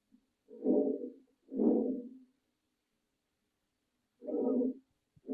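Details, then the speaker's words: Canine auscultation trainer (simulator) heard through a stethoscope, breathing demo contrasting normal, heavy and faint: soft, very light, low-pitched breath sounds, quieter than normal and harder to hear; faint breath sounds. "Now, if I try it with some, the differences from heavy and faint. And faint may be a little harder for you to hear."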